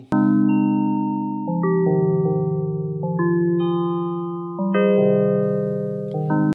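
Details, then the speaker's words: Widex Zen therapy fractal tones for tinnitus, played in the hearing aid fitting software: Zen Aqua, Coral and Green chiming tones. "जैसा कि हम इस कार्यक्रम में click करते हैं, यह उन विभिन्न ज़ेन उपचारों का खुलासा करता है जिन्हें आप चुन सकते हैं। आप Zen aqua, (chiming chiming) Zen coral, (Chimes चिमिंग) Zen green,"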